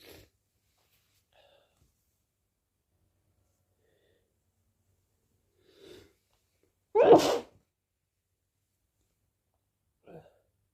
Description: announcing sneezes ft false starts sniffles and nose blows